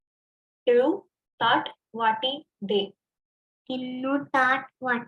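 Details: Child with cleft palate, sentence sample; articulation intact in precision and intensity but overall speech perceived as nasal; hypernasality.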